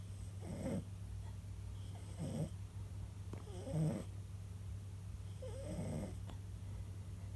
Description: tries to win the award as the loudest snorer in the house.